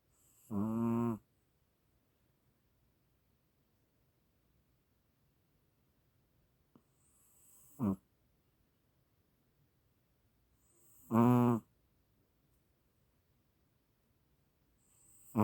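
Loud rattling snores on breathing in, each about half a second, separated by long quiet pauses of roughly ten seconds.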